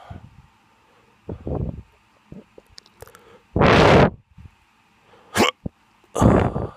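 Several short, abrupt throat bursts and gulping catches at irregular intervals, about four over seven seconds, consistent with hiccups.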